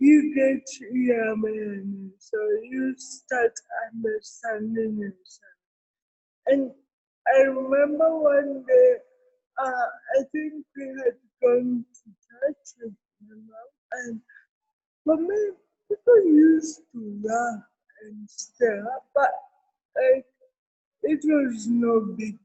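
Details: Adult woman with cerebral palsy present since birth, speaking in an interview: dysarthria (cerebral palsy).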